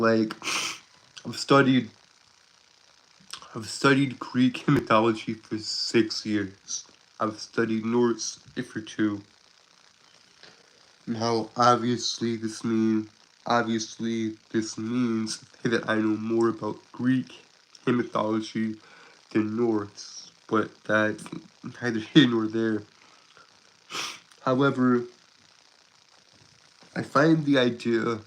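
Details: Adult Southern man who describes himself as a stutterer with a speech impediment, currently sick: stuttering.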